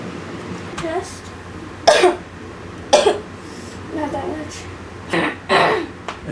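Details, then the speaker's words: Girl with Tourette syndrome who also has a cold, which makes her coughing tic worse; about five short, sharp coughs at irregular intervals, a vocal coughing tic. "I noticed her cough a lot and apparently it's called the tick cough. She has a cold and her ticks must be must be like mixed up with the cold which making her cough really bad."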